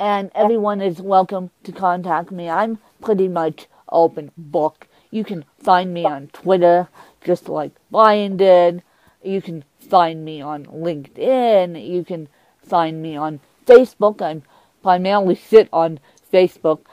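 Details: Woman with cerebral palsy who uses a walker, describing her speech impairment as milder than her interviewer's; mild dysarthria.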